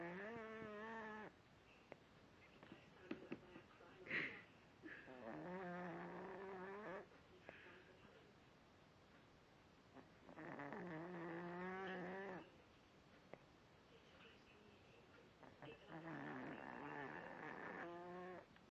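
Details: Cat snoring as loud as a person: slow, irregular rasping, buzzing tonal snores about 11 a minute in a quiet room; snoring.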